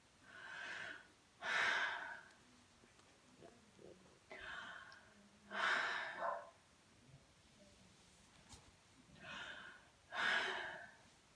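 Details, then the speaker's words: Normal breath sounds auscultated bilaterally during a nurse's head-to-toe assessment of a female patient taking deep breaths: three slow soft-inhale, louder-exhale cycles about 15 a minute, equal, no crackles, rales or rhonchi. "all right I noted that our lung sounds are present in both and bilaterally and they're equal I'm noticing no crack holes or rails or rhonchi that she's breathing normally"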